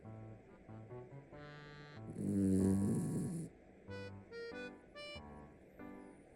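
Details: Poodle snoring: one loud, low, rough snoring burst from a small dog, partly masked by background music.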